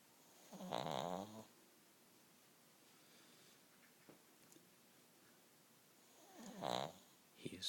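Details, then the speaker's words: A 14-year-old Shih Tzu dog, deeply asleep, gives two loud, rattly, buzzing snores about six seconds apart, with quiet breathing between; snoring. "his dog has learned how to uh mimic it but he's dead asleep listen to him go snoring dog"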